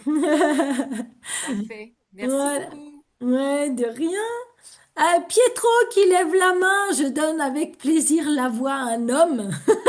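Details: Adult speaker; normal voice.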